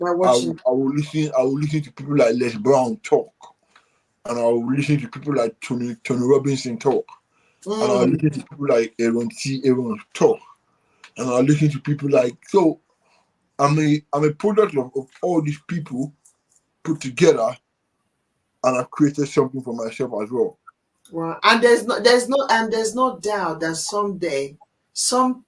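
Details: Adult man born with cerebral palsy affecting brain areas controlling movement and speech, which he attributes to high bilirubin at birth; dysarthria (cerebral palsy).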